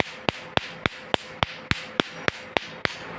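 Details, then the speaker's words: Sharp, evenly spaced snapping clicks, about 105 a minute, from a laser machine firing pulses to remove a small tattoo in a two-step laser treatment. "এখানে tattoo সহ মুখের দাগ তিল আচিল এগুলো remove করা হয় laser machine দ্বারা।"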